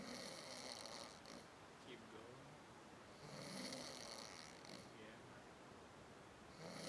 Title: The most cutest snoring man...!